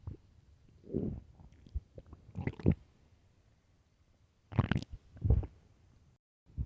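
Low rumbling and gurgling bursts from the belly, several loud growls in a few seconds; ordinary stomach growling, a normal gut sound.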